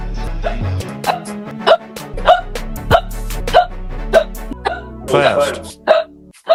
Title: Hiccup Compilation Part 1